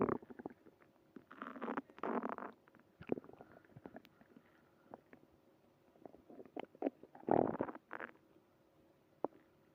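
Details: Bowel sounds (borborygmi).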